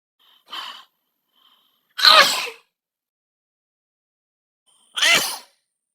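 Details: Sneeze sounds from a collection including men, women, children, babies and elderly people.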